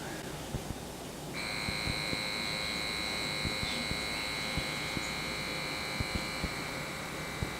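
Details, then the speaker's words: Steady electric pump whine with small intermittent clicks as an automatic wrist blood pressure cuff inflates. The adult man, recently ill with a suspected flu, rests his wrist on a table near heart level; reading 134/86, pulse 87. "So I'm gonna put it on the table and I'm gonna give myself a nice little reading here. So I'm gonna hit the start button."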